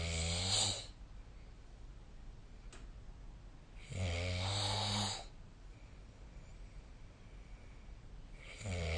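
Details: Snoring during sleep, recorded with a snore-tracking app: rough, rattling snores about every four seconds, roughly 14 a minute, with quiet breathing between.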